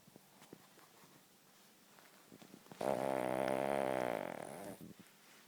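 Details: Sleeping King Charles spaniel: after a quiet stretch with faint rustles, one loud, buzzy, drawn-out snore lasting about two seconds; snoring.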